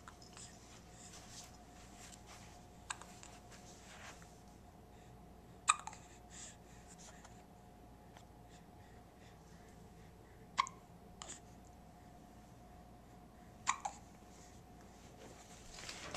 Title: in the Gymini with Hiccups